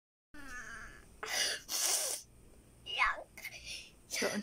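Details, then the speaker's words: Young boy being comforted by his mother cries in short, breathy bursts, with a brief tonal wail at the start; infant crying. "cry. Why? Why are you crying little boy? Kiss mommy. Don't cry."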